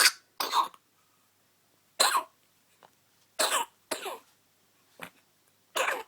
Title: Sneezing, coughing and yawning